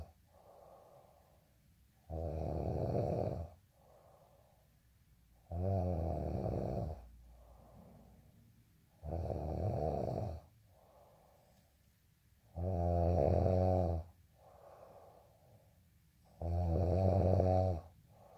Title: day in life snoring asmr sound 221